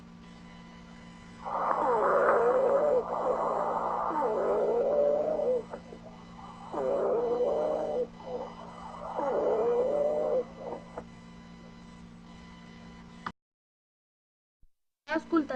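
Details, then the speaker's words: Polyphonic expiratory wheezes, a teaching example of an abnormal breath sound. "sibilancias expira torias a no sibilancias polifónicas"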